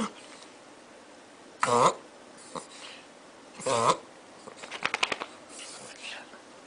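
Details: Dog: two loud, honking snort-like inhalations followed by quick clicking snuffles; reverse sneezing (pharyngeal gag reflex).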